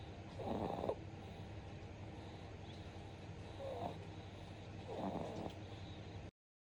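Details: Two-month-old infant snoring while asleep in mother's arms: soft snoring noises, three brief noisy breaths over a steady background hum.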